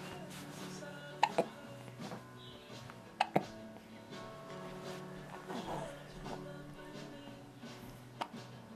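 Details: Hiccups: brief sharp hiccup-like clicks, several in paired bursts, over background music.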